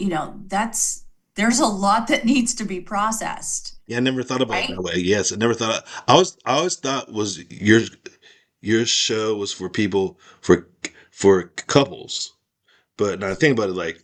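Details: Aphasia in a man after a stroke; part of his skull was removed during recovery.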